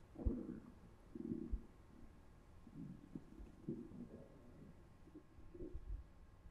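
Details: Volunteer's bowel sounds, recorded with a Zoom H1n recorder held against the stomach after eating three slices of pizza: irregular low gurgles and churning rumbles, typical post-meal borborygmi.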